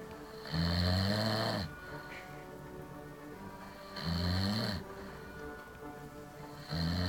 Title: SNORING HELL!